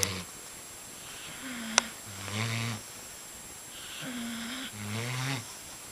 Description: The dogs I was dogsitting, taking over the bed, and snoring quite loudly.